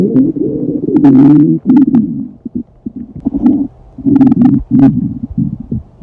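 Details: Loud, drawn-out groaning rumbles with short gurgling pops, an acted reenactment of a stomach growling loudly in a classroom during a stomachache; stomach growling (borborygmi).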